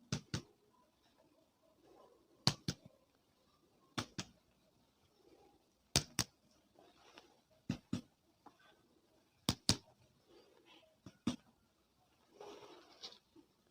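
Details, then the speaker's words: Percussion note over the chest during a respiratory system physical examination, compared to judge whether it is normal or abnormal; normal resonant percussion note. "Kemudian kita bandingkan suara perkusi apakah normal atau tidak normal."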